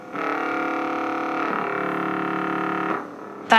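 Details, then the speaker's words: EMG of a 5-month-old French Bulldog puppy with lethargy and stunted growth: a resting muscle that should be silent gives a loud, sustained airplane-like droning roar, abnormal spontaneous electrical activity suggesting a serious muscle problem. "a normal muscle should just at rest be silent we should have a nice flat line but instead we're seeing a lot of kind of up and down and you hear that really loud kind of airplane"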